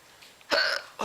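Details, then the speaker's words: Person with hiccups while babysitting, saying some of the hiccups really hurt: a single short, abrupt voiced catch in quiet room noise, typical of a hiccup. "why don't I Hiccup and yawn at the same [Music] time I don't know I hope that was a good chunk of hiccups for you guys"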